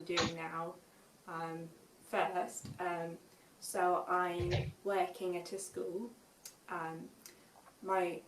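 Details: Young woman with aphasia after a stroke at age 19, recorded years later after much speech therapy and marked improvement: aphasia.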